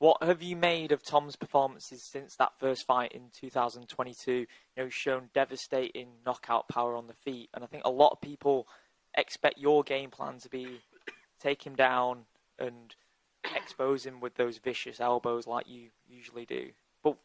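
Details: Adult male speaker; Normal speech.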